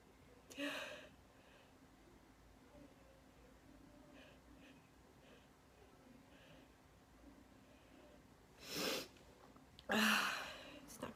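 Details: Quiet room with faint breathing, then two sharp explosive sneezes near the end from a girl; sneezing.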